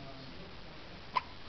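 One brief, abrupt hiccup-like burst against quiet room noise. A single hiccup.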